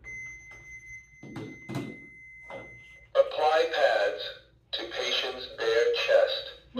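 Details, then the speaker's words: Training AED powered on during infant CPR refresher: power-on tone followed by spoken device prompts guiding pad placement. "and my help just arrived with the AED if you recall from the previous video we're going to power it on"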